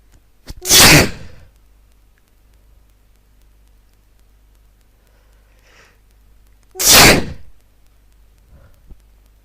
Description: Soccer and sneezes.